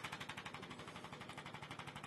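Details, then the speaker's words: Handheld Impact chiropractic adjusting instrument used on vertebrae in spasm in a man with hip-to-knee nerve pain rated 8/10 who cannot walk: rapid, even mechanical pulses about ten per second; 13 vibrations mobilize the vertebra. "This is an Impact's machine that helps adjust the vertebra. There's a lot of spasm here, so instead of me trying to push through the spasm,"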